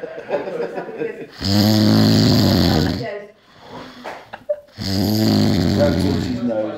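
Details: Drunk man snoring heavily: very loud, deep, rattling snores with brief quieter gaps and some background talk.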